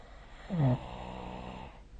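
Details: A single deep, rattling snore on an in-breath with a softer breathy tail, recorded with the SnoreLab smartphone app; ordinary snoring.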